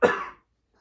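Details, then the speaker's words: Adult's single strong, sharp voluntary cough on request during a bedside swallow evaluation for occasional acid reflux, fading quickly; judged nice and productive, adequate for clearing the airway. "perfect okay so that was nice and productive and I'm confident that you would be able to do that"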